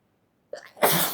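A short indrawn breath followed by one sharp, forceful sneeze burst, part of a run of allergic sneezing.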